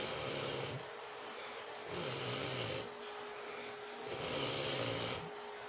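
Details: Snoring.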